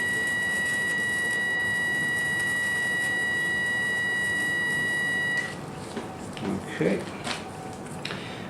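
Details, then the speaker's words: Steady high electronic tone that stops abruptly, then room sounds; hyfrecator electrosurgery vaporizing a lower-leg mole of a 29-year-old woman, pressed down to clear tissue. "once that bit's done with a rough surface cause and quite a bit of pressure you can see it starts to come off and we soon down to clear a tissue"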